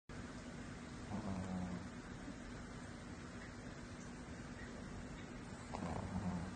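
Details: Two brief, low, buzzing snores from a sleeping cat above steady background hiss; snoring.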